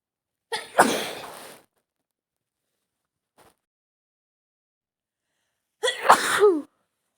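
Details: Adult woman in a sneezing scenario, cold caught from air conditioning: two separate forceful sneezes with a quiet gap between; sneezing.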